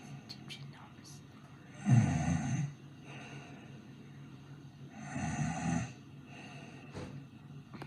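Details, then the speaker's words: Simulated snoring: a person deliberately imitates snores, producing two low, rattling snore-like breaths about three seconds apart, with faint room noise. "Okay, okay, chill, fine, I'll snore. Fine, I'll snore."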